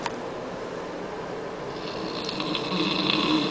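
One loud, rough, rattling breath that builds toward the end, in a quiet room; a loud snore.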